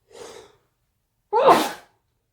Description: Induced sneezing fit